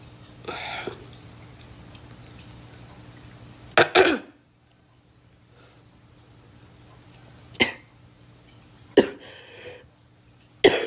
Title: Girl coughing 282